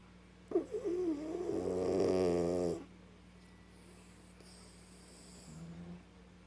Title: Guapo sleeping/snoring on my lap ♡